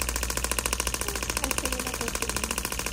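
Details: Shockwave therapy handpiece running during treatment of a patient's painful arm/hand and scar, with the patient rating the discomfort on a 0–4 scale: rapid, steady mechanical tapping pulses, about ten per second.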